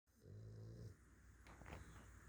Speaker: listen to my boys they're snoring hear him my boys he's sleeping they're always on Mama's lap hear them babies they sleepy babies